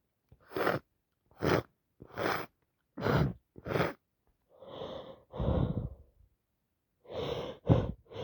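A series of short, sharp sniffs followed by wet, forceful sneezes; sneezing and sniffling with a cold and runny nose.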